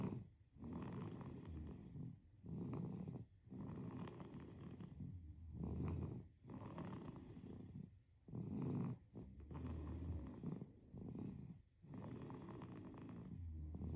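Rhythmic rumbling snores with each breath, about 13 breaths a minute, in a quiet room; infant snoring during sleep.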